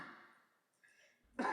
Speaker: This is the cough sound of a non-positive COVID individual.